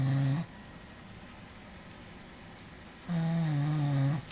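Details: Two steady, droning snores with a quiet pause between breaths from a person snoring while asleep; recorded on an Android phone.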